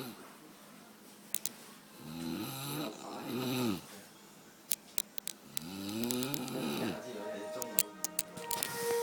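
Two long, low, vibrating inhaled snores, typical of snoring, over room noise with scattered clicks.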